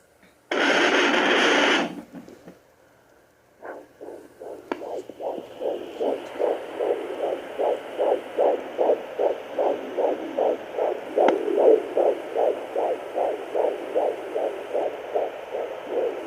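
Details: 16 weeks pregnant, home pocket fetal Doppler, first use: fast, regular whooshing pulses at about 150 a minute, a normal fetal heartbeat.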